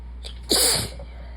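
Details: A single sharp, hissing sneeze over steady low background hum, from a tired person who is sick.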